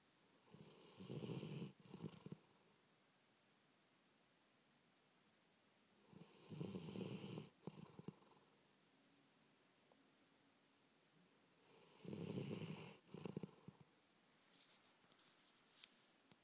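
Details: Recorded October 2010 during sleep: three rhythmic snores, each a rattling in-breath and shorter out-breath, about one cycle every six seconds in a quiet room; snoring.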